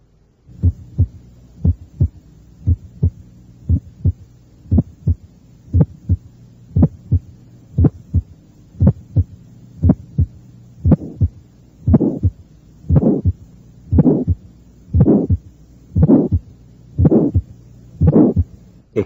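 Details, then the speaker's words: Congenital aortic stenosis heard at the cardiac apex: normal sounds near 59 per minute, then an aortic ejection click is added, then a relatively harsh systolic murmur ending before S2. "hay un ruido o chasquido de expulsión aórtico y un soplo relativamente rudo que termina antes del segundo ruido el paciente tenía una estenosis aórtica congénita"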